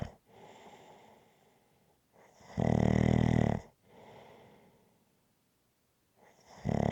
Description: ASMR Snoring Sounds.